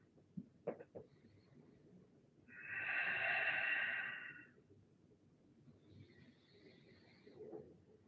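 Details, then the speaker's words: A loud, rasping breath lasting about two seconds, then a softer one, over quiet room noise from a relaxed male Rottweiler sleeping during a yoga class: snoring. "Maybe tapping into the sound of the snoring Rottweiler can help to relax you. He's pretty relaxed right now."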